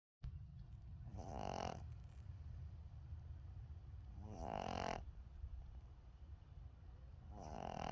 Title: Snoring Boston Terrier Puppy